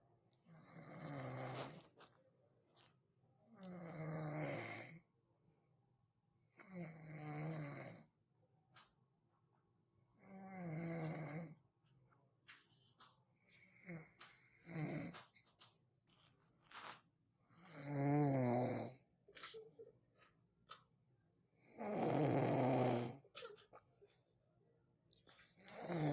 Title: Real snoring Sound | Annoying Sounds